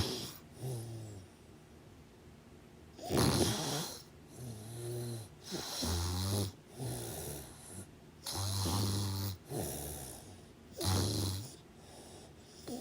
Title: Snoring sounds over 25 minutes! Enjoy